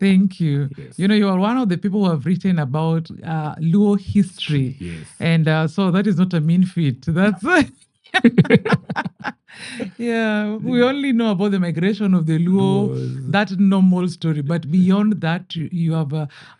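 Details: Adult speaker in interview; normal conversational speech.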